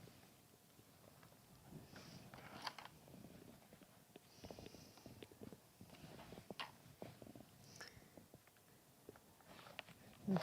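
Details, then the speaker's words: Puppy in deep sleep snores badly with soft, low, rumbling breaths, with faint rustling and handling sounds in a quiet room. "Okay, sorry, can you hear Ruben snoring? He's in such a deep, deep puppy sleep. He's such a big baby. And he is snoring so badly."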